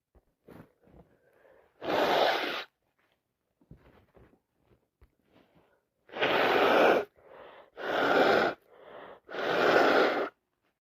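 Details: Four loud explosive sneezes in a row, broken by short sniffs and quick breaths, from a person with a bad head cold; sneezing.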